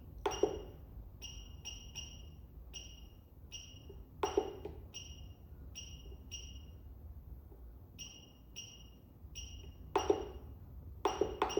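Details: Short high electronic beeps, single and in quick pairs, with louder clicks of a knob pressed to enter characters while naming a new program on an LCS 191 physiotherapy laser therapy machine; device keypress beeps.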